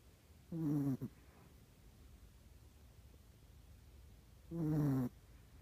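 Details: Sleeping cat snoring: two short, buzzing, nasal snores about four seconds apart against a quiet background hiss.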